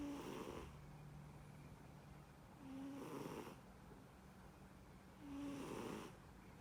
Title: Cat snoring